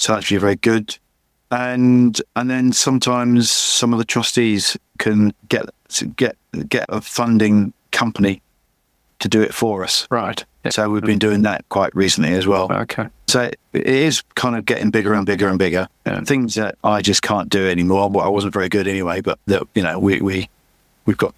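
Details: Adult man with chronic aphasia after a massive stroke about 11 years earlier; he still cannot read or write; aphasia.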